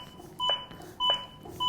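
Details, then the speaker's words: Regular electronic beeps about every 0.6 seconds, roughly 100 a minute; a ZOLL AED Plus defibrillator's metronome setting the chest compression pace during a CPR training demonstration. "Je ne fais rien, la musique continue. C'est bien une preuve que c'est, comme on l'a dit précédemment, un métronome. C'est la musique sur laquelle je dois me caler en matière de rythme."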